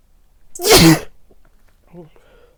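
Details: Sneeze from a person in a Santa Claus outfit wearing a facial mask and white headphones: a single loud, explosive sneeze with a sharp breathy burst, then a brief quiet voice.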